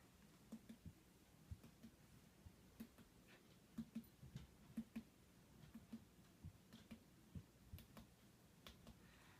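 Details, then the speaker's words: Percussion of a male patient's abdomen by finger taps across the quadrants: dull notes over solid organs and tympany over gas-filled intestines; abdominal percussion notes. "I heard dullness over organs and Tiffany over intestines"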